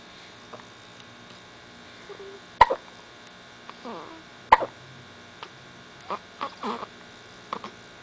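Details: Hiccups while trying to poop: sharp, abrupt catching sounds repeat irregularly over quiet room hum, with soft vocal noises in between.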